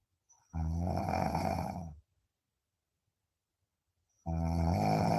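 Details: Two long, loud, buzzing snores on breathing in, separated by a silent pause of about two seconds, from a person in deep sleep; snoring.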